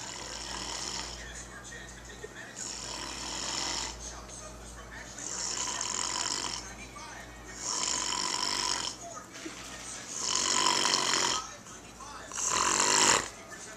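Rhythmic, harsh rattling snores with each breath, about 25 a minute, over a low steady hum.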